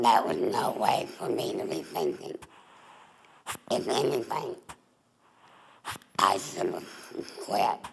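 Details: Adult female former smoker with laryngeal cancer (tumor on the larynx), voice box removed, neck stoma; alaryngeal speech after total laryngectomy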